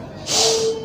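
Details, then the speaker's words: Mouth imitation of a wheeze: brief breathy hiss with a steady whistling pitch, as heard in asthma. "Pada saat yang menghirup oksigen, suara seperti suara burung. Tersendak-sendak."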